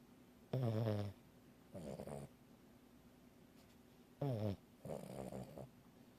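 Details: Sleeping pet snoring: paired breath sounds, a short, vibrating, groaning snore followed by a softer rattly breath, repeated; ordinary snoring.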